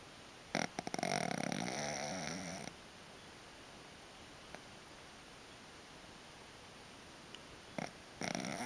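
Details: A napping dog gives rough, fluttering snores in brief bursts separated by several seconds of quiet over steady room hiss. The dog shows REM movements and sometimes sleeps with eyes open. Snoring.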